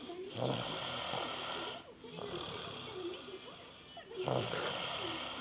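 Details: Snoring in a sleeping female who stayed overnight: long, rough snoring breaths about every two seconds, each with a rattling low buzz, over steady room noise.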